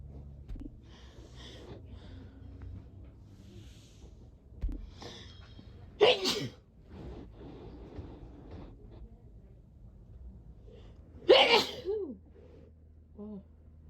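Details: A week of naturally occurring sneezes self-recorded by a person describing their sneeze as rather aggressive: two forceful sneezes, each preceded by gasping inhalations, with quieter breathing between; sneezing.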